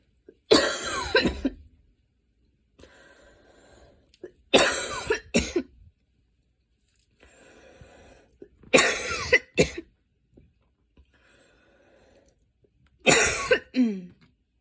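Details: Post-run cough after running, with inhaler use: four bouts of harsh, forceful coughing, each of two or three coughs, with quiet breathing between.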